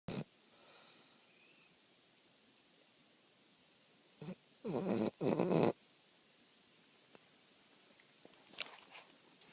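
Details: Sleeping bulldog snoring: quiet room broken by a few short noisy snorting bursts, the last two longer and louder.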